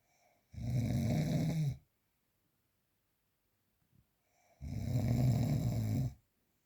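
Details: Real, unprocessed recording of snoring during sleep: two loud, low, rattling snores on inhalation about four seconds apart, separated by quiet exhalation.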